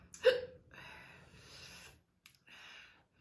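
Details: Hiccups in a girl after a hot pepper powder eating challenge, with mouth and throat pain and sinus clearing: a single sharp, squeaky hiccup with a catch in the breath, then soft breathy sounds.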